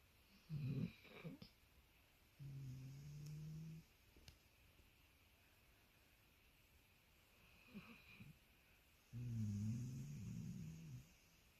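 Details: Labradoodle dog sleeping deeply in a relaxed pose, snoring and sleep-talking: low rumbling snores with a few soft snorts and sleep noises between; ordinary sleep snoring.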